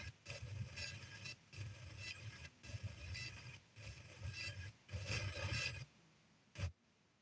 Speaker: Oh, I kept hearing something. That's my cat snoring.